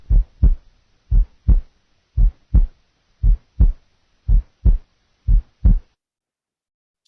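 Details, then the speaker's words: Simulated slow, regular heart sounds where the second sound is split on expiration and single on inspiration: paradoxical splitting of the second heart sound. "listen listen now to a paradoxical second sound the split is audible on expiration the sound is single on inspiration expiration [Music] inspiration"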